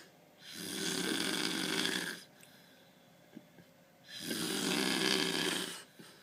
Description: Mate snoring like mad